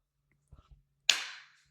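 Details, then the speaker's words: An adult takes a few quick, quiet catching breaths, then gives one sharp, explosive sneeze that fades quickly, recorded during a podcast. "Now, I'm leaving that in because hopefully you could hear that sneeze because I messed up."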